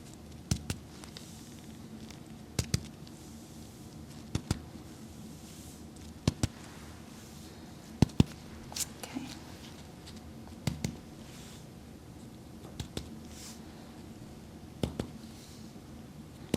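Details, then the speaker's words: Role-play chiropractic back exam (ASMR) on a dancer with middle and lower back strain: reflex hammer tapped down the spine, paired sharp taps every couple of seconds, reactions judged normal; reflex hammer percussion of the back. "I'm going to be percussing down the spine okay so you're just going to feel a light tapping sensation I'm just judging for normal reflexes"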